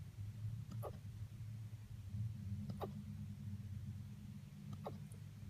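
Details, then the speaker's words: 9-week-old Anatolian Pyrenees puppy with hiccups: three soft, brief hiccup sounds about two seconds apart over a steady low room hum. "You have the hiccups? Are you sleeping with the hiccups? Yeah."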